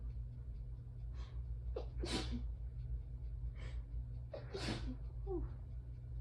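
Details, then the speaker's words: Adult woman during an allergy attack, tired and having some trouble breathing, may need her inhaler: two messy sneezes, each preceded by catching breaths, harder to sneeze fully; steady low hum behind; allergic sneezing. "But when I can't take a deep breath all the way, I'm gonna sneeze. Like it's harder to sneeze all the way."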